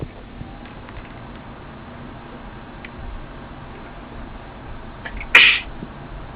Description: more of me sneezing!